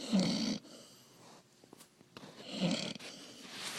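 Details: Young puppy dog snoring: two brief, rough, snorting breaths with quiet gaps between them.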